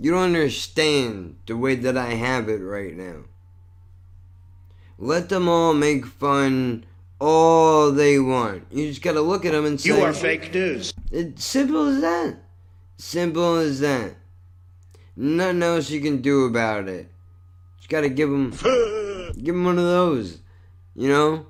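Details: Adult male with cerebral palsy and multiple sclerosis, who says this neurological disorder affects his speech; dysarthria.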